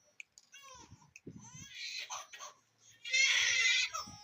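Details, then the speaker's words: Six-month-old baby girl just after a 24-gauge IV cannula was inserted and taped in place: short whimpers building into a loud, high-pitched infant cry. "अब बच्ची ने रोना शुरू कर दी है।"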